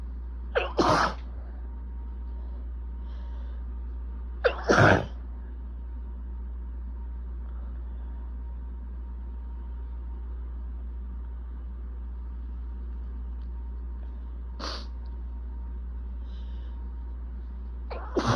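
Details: Person with bad allergies and building congestion: four sharp sneezes in about 18 seconds, an itchy, desperate allergic sneezing fit.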